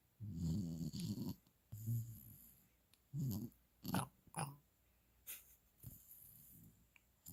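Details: Low, rattling snores with each breath, some long, some brief and snorting, with quiet pauses, from a young dog sleeping mouth open after his first walk following final shots; snoring.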